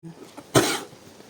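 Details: A single harsh, forceful cough from a horse, attributed to gastritis.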